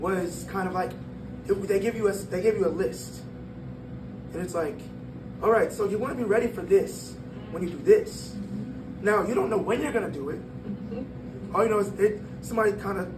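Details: Breathy voice in a 22-year-old man born prematurely at about one pound, whose vocal cords developed as he grew and still don't close all the way; breathy voice from incomplete vocal fold closure.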